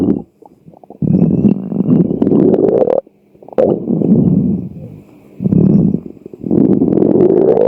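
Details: Loud, prolonged gurgling and rumbling in several long bursts with brief pauses; stomach growling (borborygmi) from hunger.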